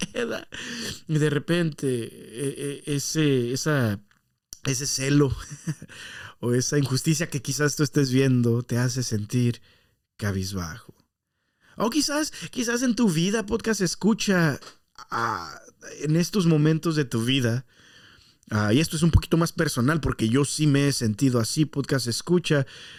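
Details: Adult male podcast host, Spanish speaker, with stuttering that he says worsens after breaks from podcasting; stuttering.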